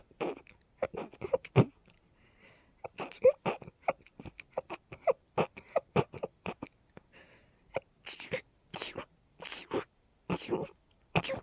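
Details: Girl's rapid sneezing fit, attributed to pollen: a rapid run of many short, sharp, high sneezes in quick succession, with laughter.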